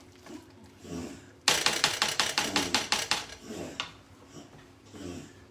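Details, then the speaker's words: Dog coughing after drinking a lot of water too fast: a rapid run of about ten harsh, honking coughs; owner says this is usual for him and he recovers after a throat rub. "Uh-oh, Bo's coughing. Uh-oh. What's the matter? You drank too much water. That sounds like a bull moose."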